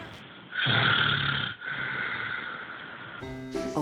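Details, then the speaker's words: Two loud, rough, rattling snores on successive breaths, then a brief musical tone; snoring, from muscle relaxation at night narrowing the airway. "Vous l'avez compris, le ronflement est un problème mécanique. La nuit, avec le relâchement de nos muscles, le passage de l'air devient plus compliqué."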